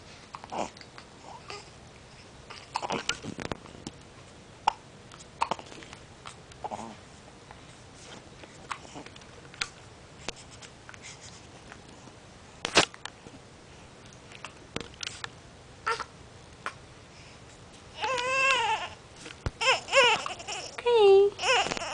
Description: both have the hiccups at the same time.